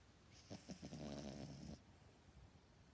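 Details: Snoring: one rattling, fluttering snore on the in-breath, then quiet breathing.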